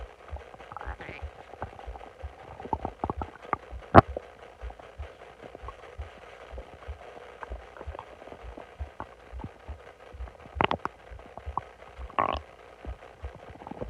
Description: During the day I got really bloated and decided to lay on my stomach and it started growing so I recorded what I could.